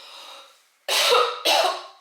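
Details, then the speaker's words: An adult woman coughs because of a horrible tickling feeling in her throat: two sharp, dry coughs after a faint breath, in a quiet room. "alors là je sais pas si vous avez ça parfois comme une espèce de points car il dans la gorge c'est horrible"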